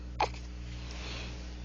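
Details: 1-month-old baby boy with hiccups, who had a latching issue: one brief, sharp hiccup catch over a steady electrical hum.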